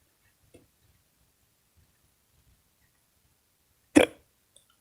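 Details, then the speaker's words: A voice actor's sudden hiccup while about to record: a faint short catch, then one sharp hiccup in a quiet room, the involuntary gulp of a diaphragm spasm. "please don't tell me that I have the hiccups I have the hiccups"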